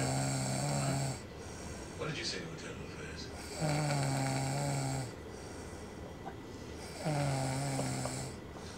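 Three long, droning snores about every three seconds, separated by quieter breathing, over background noise; snoring.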